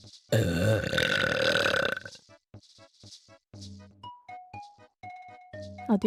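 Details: Burping: a long, loud, rumbling belch, then a run of short voiced bursts over background music.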